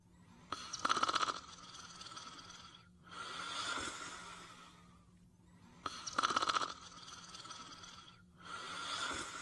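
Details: Snoring during sleep: two noisy breath cycles, each a rattling, fluttering inhalation followed by a softer hissing exhalation; snoring.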